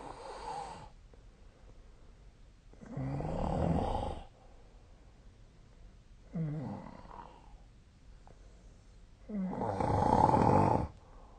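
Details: Sleep snoring recorded 2025/02/28: rough, rattling inhaled snores recurring about every three seconds, with quiet exhalations between, roughly 20 breaths a minute.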